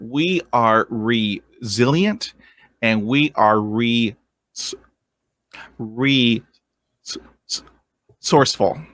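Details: 23-year-old man with lifelong stuttering, first vividly remembered around age seven, struggled through school; has had speech therapy and an intensive fluency program; real adult stuttering.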